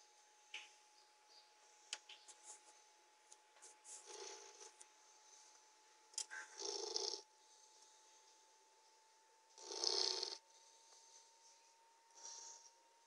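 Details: Three-month-old Labrador puppy sleeping: soft, raspy snoring sounds every few seconds over a steady hum and small clicks; snoring.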